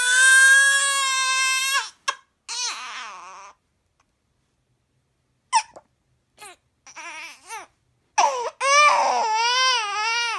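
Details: A tired baby cries in loud, high-pitched wails broken by pauses and short whimpers; infant crying.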